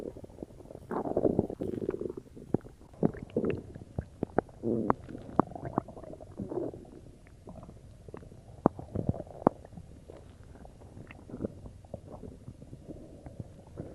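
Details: Stomach growling after drinking cola: irregular gurgles, squelches and rumbling bursts from the belly, bowel sounds (borborygmi).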